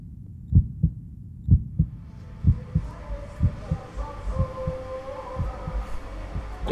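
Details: Regular low heartbeat thumps at about 62 a minute with humming background noise, recorded during a pulse and blood pressure check in a tent in 30-degree heat at a motorcycle rally; reading described as very good.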